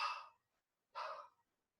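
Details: Vocal imitation of the aortic regurgitation murmur: two soft, breathy blowing sounds imitate the early diastolic murmur, listened for at the left sternal edge with the patient leaning forward in held expiration.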